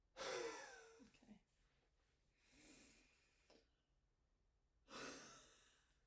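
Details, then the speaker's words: An adult woman with shortness of breath and a feeling of junkiness in the chest, during physiotherapy active cycle breathing, takes a deep breath in through the nose, then gives two forceful open-mouth huffs: the forced expiration technique to move secretions. "And third one, so you take a deep breath into the nose. And when you're coming out, I want you to huff"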